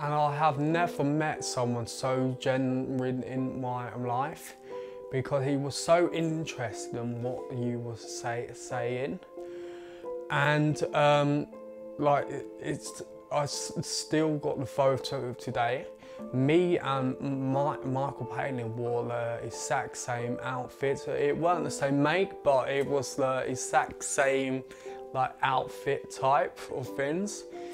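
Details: 20-year-old man with a stammer that began around age eight, who gritted his teeth when speaking as a child; stuttering (stammer).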